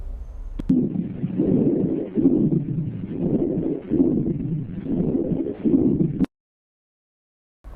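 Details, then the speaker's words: Rhonchi on lung auscultation: low, coarse rumbling breath sounds through repeated breath cycles, low-pitched sounds indicating bronchial narrowing, as with accumulated secretions. "e já os roncos são são os graves que indicam estreitamento brônquico como no caso de acúmulo de secreção"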